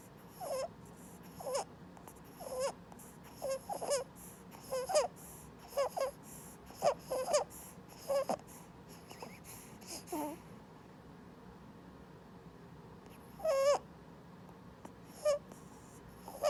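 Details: 3-week-old boy with laryngomalacia diagnosed by pediatric ENT via flexible laryngoscopy, worst when feeding and sleeping; repeated short, high, squeaky chipmunk-like noises with each breath in; inspiratory stridor.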